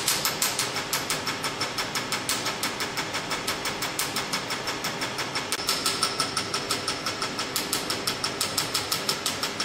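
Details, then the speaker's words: Q-switched Nd:YAG laser at 800 mJ energy, frequency 6, foot-pedal fired during carbon peel facial treatment: rapid, steady sharp snapping pulses about three a second; Q-switched laser pulses. "now working in the treatments after we set the energies 800 milli drop at frequency i use 6 frequency then you see we have the red line 2.0 where the layer is and then i press the foot pedal"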